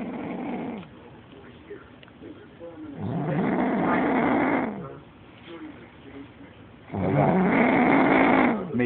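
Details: Woman recently returned from Iraq snoring heavily while asleep, possible airway obstruction queried: loud rough rattling snores on each breath, about 15 per minute, with quieter gaps.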